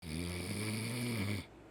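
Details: A man snoring on a livestream: a single low, droning, buzzing breath noise about a second and a half long; snoring.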